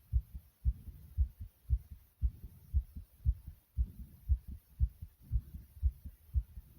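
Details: Strong, regular, deep heartbeat pounding fast and forcefully at about 115 beats a minute; the recorder's own heart, described as pounding very hard.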